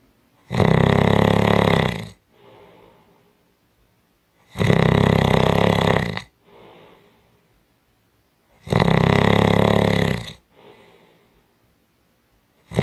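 Loud, rough snores on each breath in, with quiet breaths out, about 14 breaths a minute: heavy snoring.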